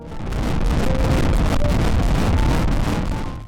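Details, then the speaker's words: Fast, muffled whooshing pulse of an early-pregnancy fetal heartbeat on Doppler, described as strong despite the fetus still being tiny, with faint music behind it. "아직 콩처럼 작지만 그래도 심장 수리만큼은 누구보다 우렁차다구요 콩주의 심장 소리를 함께 들어볼까요"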